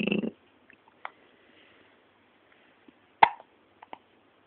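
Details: Hiccups in a 10-day-old baby girl: a few short, sharp catches in a quiet room after a brief opening sound.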